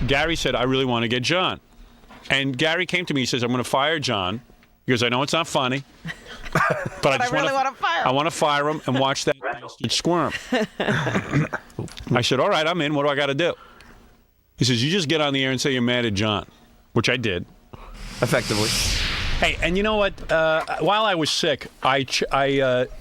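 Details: Adult man; typical speech.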